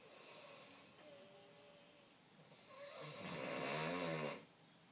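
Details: Snoring: quiet breathing with faint whistling tones, then one loud, rough, rattling snore on an in-breath lasting about a second and a half.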